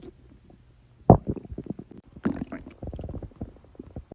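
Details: Girl's stomach growling: a loud low gurgle followed by a run of short rumbling and bubbling sounds; borborygmi from gas and fluid moving through the gut.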